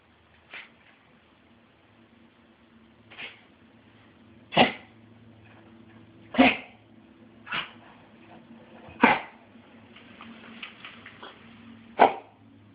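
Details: A dog gives seven short, sharp, harsh coughs with pauses between them; the dog caught kennel cough from another dog at the park, and it cleared after a few days of antibiotics: kennel cough.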